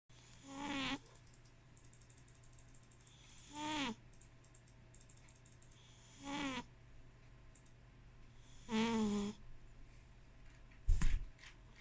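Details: Sleeping cat snoring louder than a husband: four soft, buzzy snores about every 2.7 seconds, roughly 22 a minute, in a quiet room; snoring.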